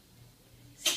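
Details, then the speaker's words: A single brief, sharp, hissy sneeze from a cat in a quiet room with background hum. "Um gato espirrando. Vai pra cá, gato. Um gato espirrando. Foi isso."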